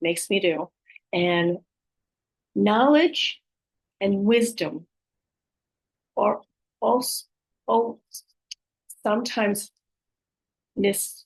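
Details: Aphasia with apraxia of speech and dysarthria following a stroke in an adult woman, who says her speech can be hard to understand at times.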